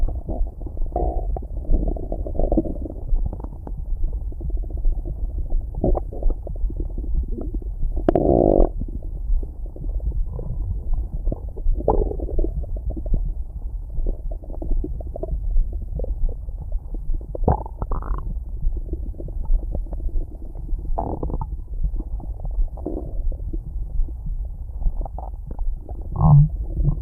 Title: Lupi's stomach growling and heartbeat ❤️💕